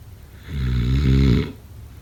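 One loud, low, rattling breath lasting about a second; a single snore.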